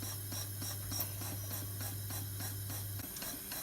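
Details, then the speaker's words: Simulated intrapulmonary percussive ventilation in line with a ventilator on a test lung: rapid steady percussive pulses with a hissing rush of air over a low hum; small audible endotracheal cuff leak to let secretions pass for suctioning. "I want to get a small leak small audible leak so that way some of the secretions that are coming up can work themselves around the cuff and I can suction the patients now"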